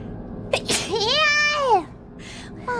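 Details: Sneeze from a VTuber livestream: sharp intake and burst, followed by a drawn-out voiced 'choo' that falls at the end.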